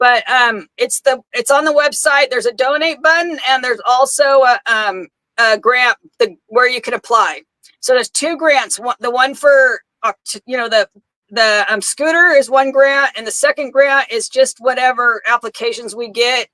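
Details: Adult woman with aphasia after her second stroke, with no paralysis; repetitions and word-finding difficulty are heard.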